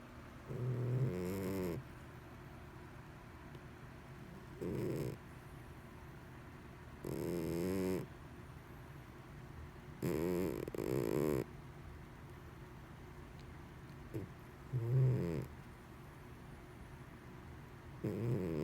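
Irregular low, rumbling snore bursts, some loud, with quiet gaps between breaths from a sleeping cat.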